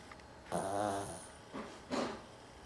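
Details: Dog that sometimes has trouble breathing through her nose, which makes her snore a lot in sleep: a short, vibrating, snorting breath, then two softer breaths, in a quiet room; snoring.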